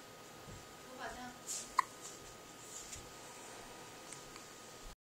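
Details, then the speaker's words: A 7-day-old baby girl hiccups while trying to suck her hand. A few soft, brief catches and one sharp, click-like hiccup are heard in a quiet room with a faint background hum. "，baby 呀，baby 在打嗝了。哦哦，谁叫你要吃手？喜欢吃手就打嗝啦。"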